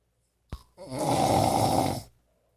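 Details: Heavy snoring likened to a freight train, recorded January 2016: one loud, harsh, rumbling snore lasting over a second, preceded by a brief snort.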